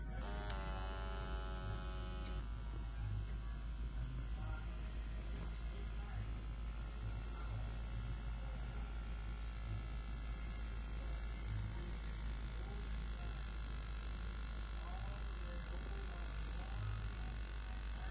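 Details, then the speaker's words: FondCircle FBP-W1 wrist blood pressure monitor on an adult's right wrist, brief tone then steady low motor hum as the cuff inflates and measures; reading 118/71, pulse 83. "I'm just going to reach over and press start, stop. Starting measurement. Please remain still and quiet."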